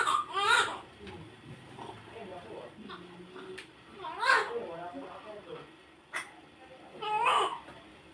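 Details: Newborn baby girl's cry just after a normal vaginal birth: short bursts of high-pitched crying, three cries in eight seconds, between quieter stretches with staff voices and room noise.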